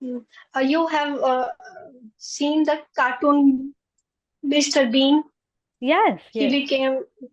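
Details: Stammering in a 20-year-old woman who stammers, reportedly more in public than with family.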